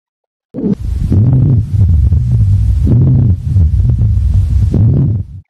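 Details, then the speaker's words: Educational physiotherapy auscultation demonstration of rhonchi: continuous, low-pitched, snoring-like sounds in both inspiration and expiration, attributed to obstruction in the larger, more central airways. "tone chai it is continuous it is low pitch sound and occur both during inspiration and expiration snoring is a term used to describe its quality attributed to an obstructive process in the larger more Central"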